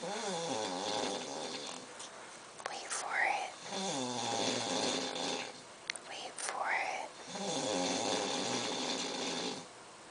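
Slow cycles of drawn-out, buzzing, fluttering breath noise, about two a minute here; snoring.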